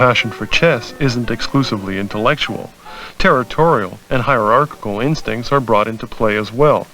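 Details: Adult male narrator; normal speech.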